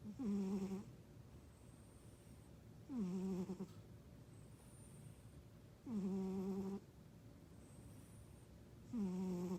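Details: Sleeping cat snoring loudly enough that the owner mistook it for her husband: snoring.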